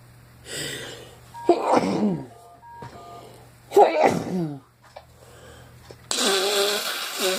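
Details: Two loud sneezes, each with a sharp gasp before it, then a noisy honking nose blow, recorded while exposed to an irritant that also caused an allergic throat tickle; sneezing.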